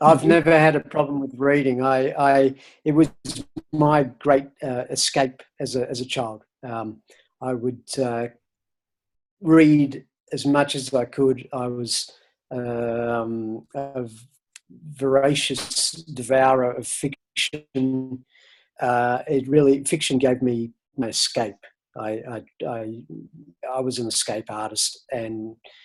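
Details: Stuttering in an adult man who has stuttered since about age eight and was covert for decades; he reports it is now hardly noticeable after years of volunteering to speak and practising public speaking.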